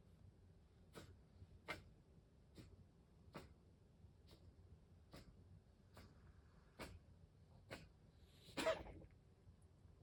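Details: Pet GK gives a run of about ten short, sharp coughs ending in a stronger burst; owner thinks it is the same lung infection one other pet had and another now has.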